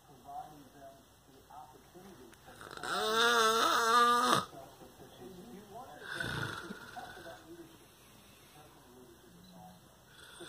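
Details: Father filmed snoring in his sleep: one loud, rough, buzzing snore on an in-breath, then a softer breathy exhale, over quiet room noise.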